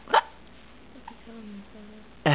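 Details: Hiccups in a 4-month-old baby: two abrupt, sharp catches of breath about two seconds apart, with a faint voice between them.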